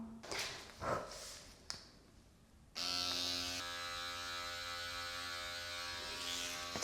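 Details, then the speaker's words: Quiet rustling, then a steady loud buzzing motor hum: Dr. Pen M8S microneedling pen started at 0.25 mm depth for first-time at-home treatment of buttock stretch marks. "Okay. Is it supposed to make such a loud noise? I don't know. Is this normal? I think it's okay."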